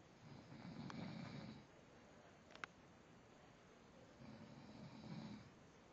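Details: Snoring: two soft, low, fluttering snores about four seconds apart (around 15 breaths a minute) in a quiet room; ordinary snoring.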